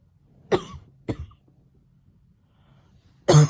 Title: Coughing 2021